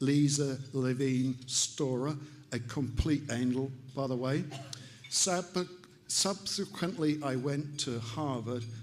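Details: Adult man, stroke survivor with aphasia, about three years post-stroke and still relearning to speak; aphasia.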